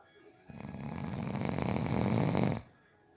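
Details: Person napping who fell asleep within 30 seconds: one long, deep, rattling snore on an in-breath with quiet before and after; snoring.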